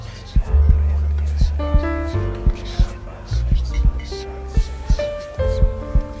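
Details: A slow, quiet heartbeat sound effect of soft paired low thumps, about 57 beats a minute, mixed under gentle piano relaxation music meant for sleep and meditation.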